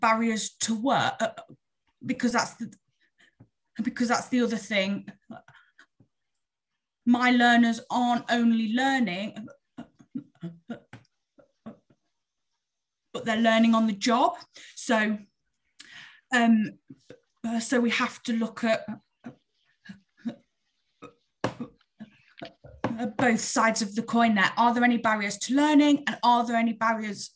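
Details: Real stammering in an adult woman who stammers; long wordless gaps between phrases suggest blocks; stuttering (stammering).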